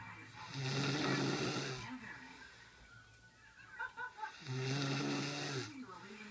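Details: Person snoring while asleep after a 13-hour night shift: two loud, rough, buzzing breaths with a quieter exhale between them.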